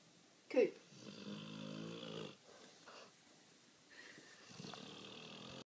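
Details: A sleeping dog in full snore: a short snort, then a soft, whistling, buzzy breath and quieter snuffling breaths; light snoring.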